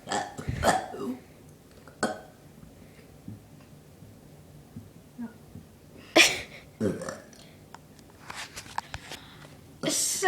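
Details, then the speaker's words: A brother burping on command, producing several loud, drawn-out voiced belches with brief talk between them. "so he earlier I asked him if he can burp on command which means can you just like burp like because you want to burp he said yes so I'm just going to show you guys what he can"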